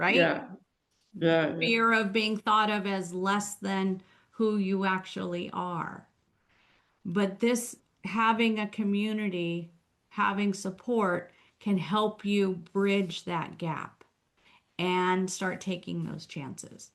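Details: Adult woman speaking; ordinary speech.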